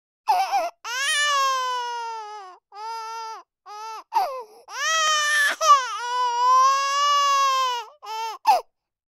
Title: Baby,4 Months Old,Cry,Frustrated,Forlorn Sound Effect